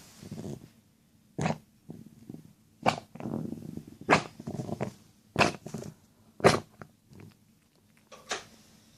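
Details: Pet that is unwell gives six sharp coughs over nine seconds with wet, rattling, gurgling sounds between them; gurgling cough.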